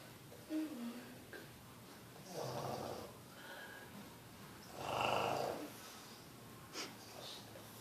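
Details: Pug asleep: soft snorting, fluttering snores on each breath with nasal snuffles, loud flat-faced dog sleep breathing; snoring.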